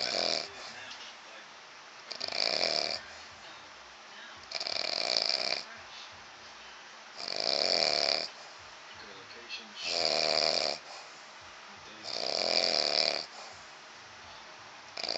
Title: His snore sound like a herb of animals 9/15/2011